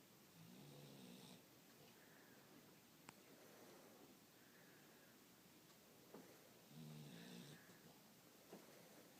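Soft snores about every six seconds against steady room hiss, with a few faint clicks.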